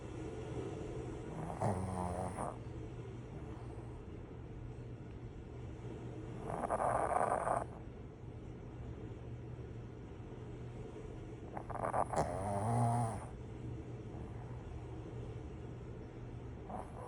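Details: Pug dog snoring: snorting, fluttery snores about every five seconds, roughly 12 breaths a minute, against a steady background hum.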